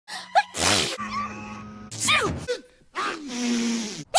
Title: Random cartoon sneezes